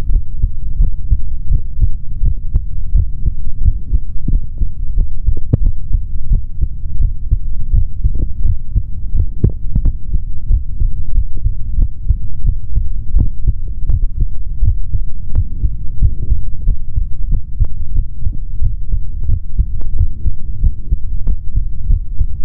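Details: Normal heart sounds of a male through a stethoscope: a steady low thumping heartbeat under a dense rumble.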